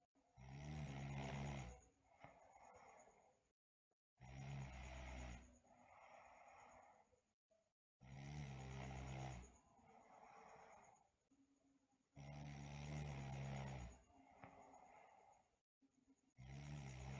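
Loud rattling snores on each breath in, about 15 breaths a minute, with quieter breaths out between.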